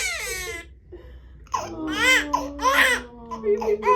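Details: Baby boy's first chiropractic adjustment, with light pressure on the top spinal bone; a digestion issue was mentioned and he latches better on one side: a short cry, a pause, then several rising and falling wails in a small room.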